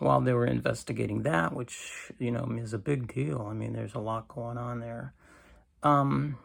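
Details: Adult man with cancer and a bile duct stent, weakened after difficult months, recorded in the morning; he attributes his creaky voice to lack of strength; creaky voice.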